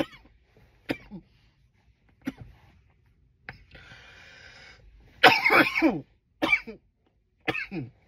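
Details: About six loud, harsh coughs separated by pauses, the later ones strongest and fullest, with a brief hiss of breath between them.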